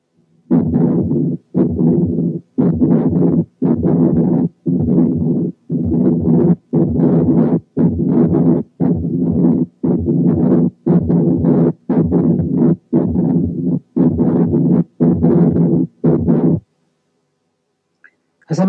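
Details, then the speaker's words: Teaching case: harsh scratchy sound, closer to scratching than a murmur, filling nearly each whole cardiac cycle, about 58/min, unrelated to systole or diastole; atypical in quality but typical in timing; pericardial friction rub. "ده بيبقى بيريكارديال راب. هنسمع دلوقتي راب، وإن كان مش تيبيكال في الكواليتي لكن تيبيكال في التايمينج."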